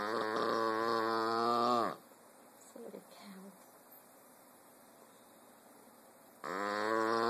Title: Dugg the snoring pug